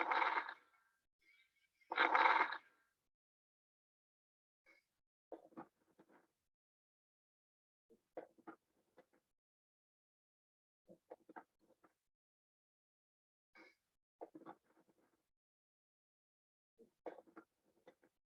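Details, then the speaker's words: Repeated clusters of brief popping, crackling sounds with each breath on auscultation: lung crackles (rales), abnormal sounds. "aquí ya empezamos a ver los que no son normales que ya empezamos a ver lo que son los crepitantes"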